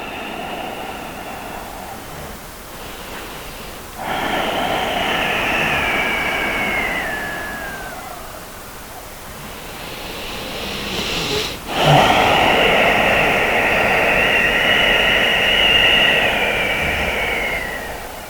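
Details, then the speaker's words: Dog snoring in the background during a ball-rolling exercise session: long, noisy breaths with a faint whistling edge from a sleeping dog; ordinary snoring. "go find another change of spots if you hear the snoring sound that's come from my dog"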